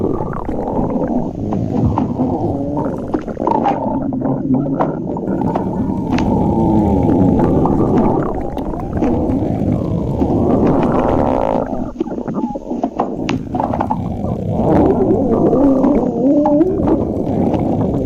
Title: @tommyclulow8617 stomach growling